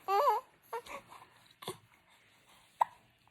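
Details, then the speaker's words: A short vocalization from a 2-month-old baby boy, then several brief sharp hiccup catches with soft sounds between; infant hiccups. "oh you have some bad hiccups huh those aren't funny maybe some grape water would help them go away what do you think"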